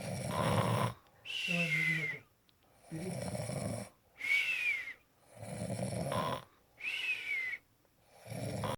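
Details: Loud, rhythmic snoring at about 15 breaths a minute, with rattling inhalations and whistling exhalations: snoring.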